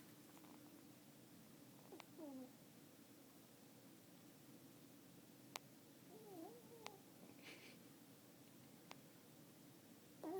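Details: Snoring from a 9-year-old, 5-pound Yorkie fast asleep in a person's lap.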